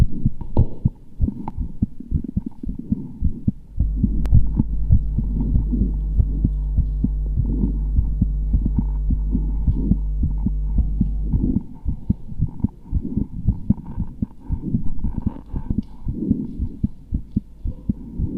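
Steady, fairly quick low thumping heartbeat with a droning hum through the middle; normal heartbeat sound effect.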